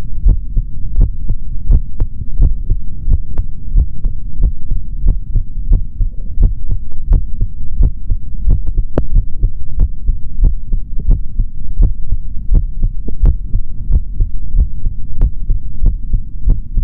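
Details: Adult male's normal heart sounds heard through a stethoscope: a steady, regular heartbeat of about 70 beats per minute with a low hum in the background.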